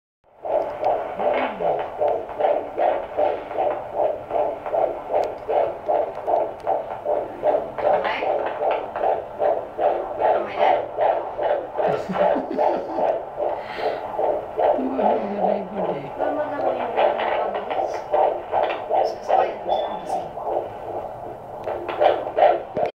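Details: Rapid, regular whooshing fetal heartbeat, about 150 beats a minute, with faint room voices behind it: fetal heartbeat.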